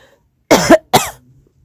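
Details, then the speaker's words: Adult gives two sharp, harsh cough bursts in quick succession: an irritant cough after eating vinegar-and-chili crisps, with crying and sweating. "I tried the first crisps. I was coughing. I'm crying. I'm sweating."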